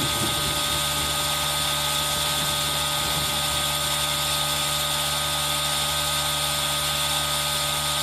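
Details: Steady loud hiss and buzzing hum of an aerosol nebulizer running, mixed with rain noise for ASMR, recorded on a Zoom H1n.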